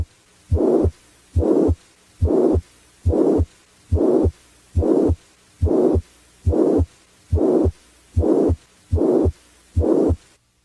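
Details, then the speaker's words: Regular heartbeat near 70 a minute with a harsh murmur starting at S1 and running to S2 with no gap, as heard in mitral regurgitation: a pan-systolic murmur. "a pan-systolic murmur as heard with mitral regurgitation starts with s1 and stops at s2 without a gap between murmur and heart"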